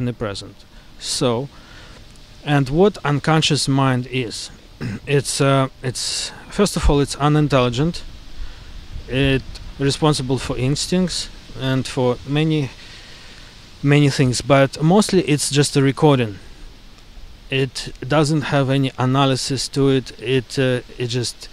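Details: Man who stutters. He blocks on the K sound and uses deliberate techniques such as prolongation and bouncing.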